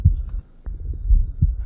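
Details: Soft, low heartbeat thumps through a stethoscope with a faint steady hum underneath, a person's heartbeat recorded for a musical heartbeat recording: normal heart sounds.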